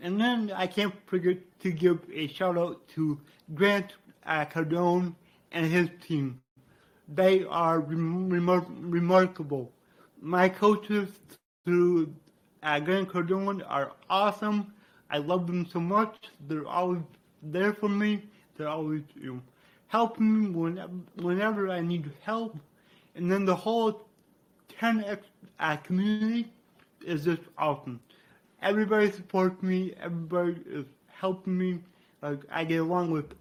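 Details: Man with dysarthria due to cerebral palsy, which he attributes to brain damage after being born without heartbeat or breathing and being revived.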